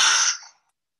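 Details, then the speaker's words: Normal person's forced exhalation, played for contrast with a diseased person's exhalation in voice-based disease screening: a short, strong, airy breath out fading within about half a second. "but this is the deceased person exhaling and this is the normal prison"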